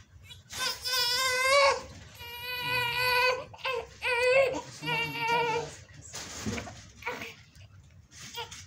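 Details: Several bleating, high-pitched wails from a newborn in a small room, its first crying right after birth; newborn cry.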